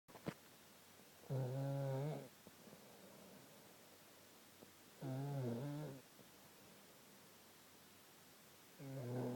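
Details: Loud, rough, low-pitched snores from a sleeping man, about three in nine seconds, with quiet breathing between; snoring.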